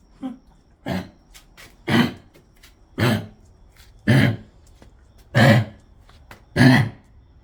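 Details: Dog's repeated dry cough: seven harsh, honking cough bursts about a second apart.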